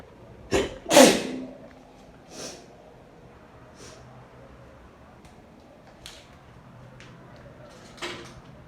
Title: Sneezes after shower